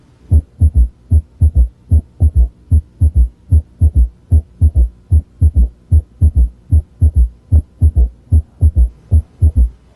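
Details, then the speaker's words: Example S3 with the patient rolled partway onto the left side and the stethoscope bell placed lightly on the apical impulse: regular heartbeat near 75 a minute with a soft, low extra sound just after S2, a third heart sound. "then recheck the position of the apical impulse and place the bell lightly on it if the patient had inaudible s3 it would sound like this"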